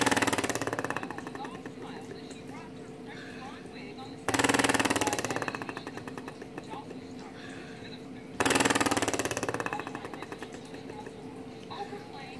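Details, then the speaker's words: Cystic fibrosis patient doing airway clearance with a Cornet oscillating positive expiratory pressure device, blowing with cheeks kept in: three long exhalations, each a rapid, rattling buzz that fades. "when you blow you want to make sure that your cheeks stay in much like if you've ever played the saxophone or a flute or clarinet same kind of principle"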